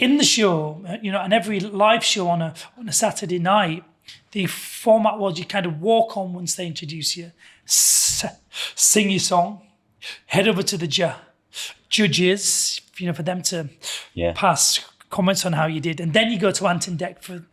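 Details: Adult man with lifelong stammering, which he calls a neurological condition; his father had a stammer when young and his sister also stammers, and it was worse in the past; currently in the McGuire speech therapy programme; stammering (stuttering).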